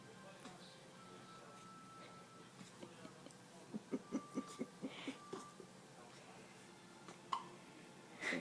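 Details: Hiccups: a quick run of short, soft catching sounds, likely hiccups, over background music and room noise.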